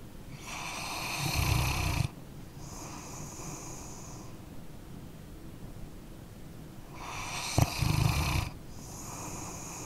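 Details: Sleeping dog snoring: two slow breath cycles, each with a harsh, rattling snore on the in-breath and a softer hiss out; ordinary snoring.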